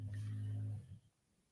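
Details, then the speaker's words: Sleeping dog snoring: a low, steady rumbling snore, fading out. "That rumbling's coming for your end. I can hear it in here. It's for Doug snoring."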